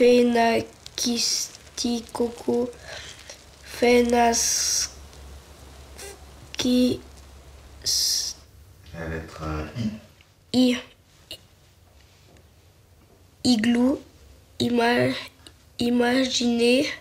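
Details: French-speaking child who stutters, in a real documentary about a teenager and two children who stutter, reading words beginning with the letter I; the children report blocking on word-initial letters such as I, P and T; stuttering.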